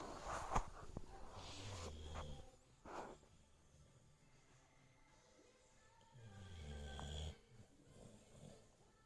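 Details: Two low, rumbling snores from a sleeping dog, with quiet breathing and faint room noise between.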